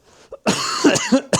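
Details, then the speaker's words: Adult who says they are a bit ill, in a cold garage near 0 °C: a single rough, harsh cough burst followed by a brief catch of breath; cough. "And I'm sorry for my voice. I'm a bit ill."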